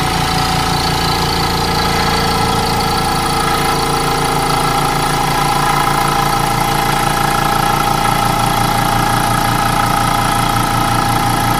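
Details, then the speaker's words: GEN-MED Aspirator Model A suction pump running: loud, steady, rhythmic motor chugging as the aspirator draws good suction. "you can see it's getting good suction as it mention it's in real nice cosmetic condition"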